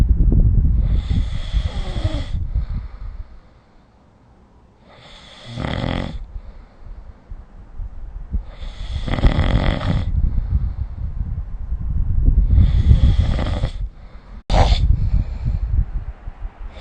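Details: Sleep snoring recorded with the SnoreLab smartphone app: repeated harsh, rattling snores roughly every 3 to 4 seconds, with low rumbling noise between them.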